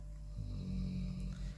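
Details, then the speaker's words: Snoring: a low, rumbling snore with a steady deep vibration over a quiet room. "non mais vous entendez ronfler?"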